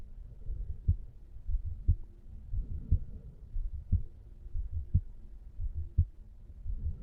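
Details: Normal heart sounds of a 35-year-old man relaxing on a couch, recorded over the mitral area: regular low heartbeats at about 60 per minute.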